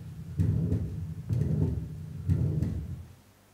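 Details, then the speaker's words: Patient with moderate non-rheumatic mitral regurgitation, heart rate about 60 per minute: soft first heart sound immediately followed by a loud, harsh systolic murmur. "you will now hear the heart sounds and murmurs of a patient with moderate non-rheumatic mitral regurgitation the first heart sound is soft and is immediately followed by a loud harsh systolic murmur"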